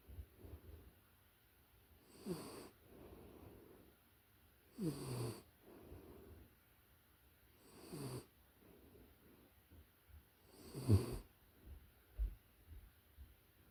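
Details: Close-up recording of a puppy in deep sleep: soft, regular snores about every 2.7 seconds, roughly 22 a minute; snoring.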